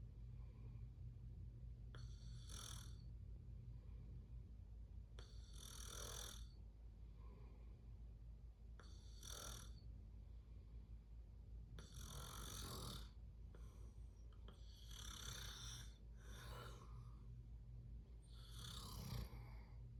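Repeated harsh, rattling snores on each breath, about eight in twenty seconds, in a quiet room.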